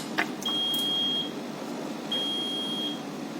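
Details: Level 1 Fast Flow rapid infuser used in OT and ICU for rapid infusion: two long, steady high-pitched electronic alarm tones over room hum; rapid infuser alarm signalling a fault needing troubleshooting.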